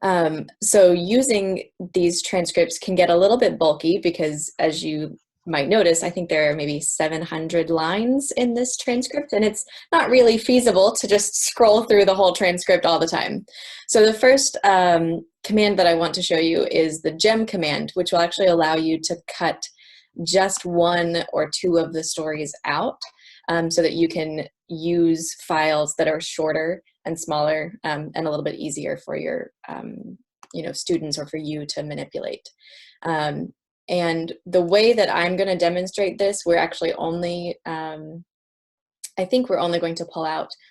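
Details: Adult woman; normal speech.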